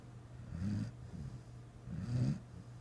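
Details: Snoring: two soft, low, rumbling snores about a second and a half apart, over a steady low room hum.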